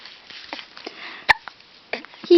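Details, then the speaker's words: Hiccups in a baby: sharp, brief catches of breath recurring among soft baby sounds in a quiet room. "oh no it's the sadf for what's your sadfish for are your hiccups bugging you now"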